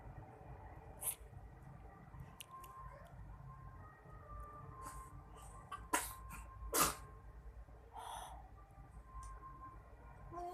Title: Baby sneezing